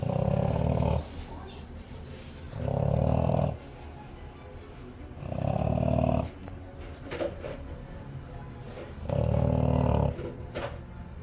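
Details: Loud, low rumbling snores from a sleeping dog named Blanc, about every three seconds with quieter breathing between; snoring.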